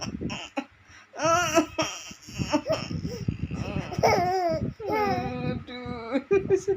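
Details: Infant crying as the mother coughs: short, high-pitched whimpering cries rising and falling in pitch between brief pauses.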